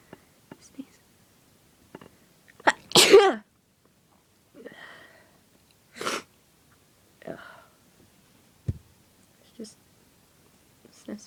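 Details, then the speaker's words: Person sneezing after deliberately sniffing pepper, which burned and tickled the nose: sniffing and quiet breathing, then a loud sneeze followed by a few smaller sneezes and sniffs. "Pepper everywhere. I'm gonna sneeze. Still itches."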